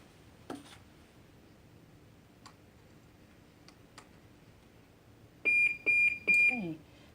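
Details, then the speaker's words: IV infusion pump downstream occlusion alarm caused by a roller clamp left closed: a few faint clicks, then three loud, high-pitched alarm beeps. "that beeping sound is actually telling me at the top they say read as I attend relating highlighted red line they which says downstream occlusion what it's telling me is that I forgotten to and to open this Wendy clamp"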